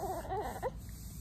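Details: Cry of a newborn boy shortly after a fast, unmedicated birth (about 1 hour 40 minutes of labour), recorded in the hospital room; hiccups also noted.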